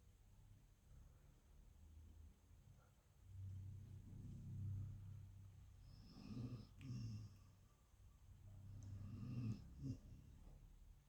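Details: Snoring: quiet, low rumbling snores come and go over a few breaths against faint room noise.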